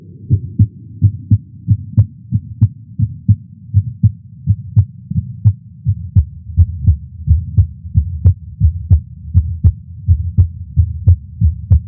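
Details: Heart sounds recorded with a Stemoscope electronic stethoscope at the tricuspid area while lying prone during chest pain: low, regular thumps about 85 beats a minute with a steady hum between beats.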